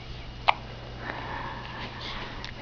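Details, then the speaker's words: Hiccups in a newborn a few days old, after his first bath at home: a single sharp, brief hiccup with soft room sounds. "Can you hiccup some more? There's one. There's another one. There's another one."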